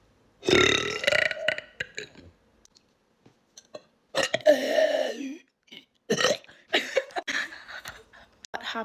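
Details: A compilation of repeated loud, drawn-out burps separated by short pauses and brief voice sounds; ordinary belching.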